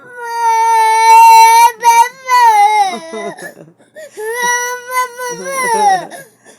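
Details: Baby crying in loud, sustained wails with short pauses, upset after losing a pacifier: infant crying.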